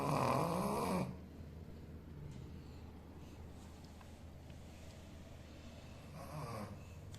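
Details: Sleeping Shih Tzu dog snoring: short rasping snores on each breath, separated by quiet breathing.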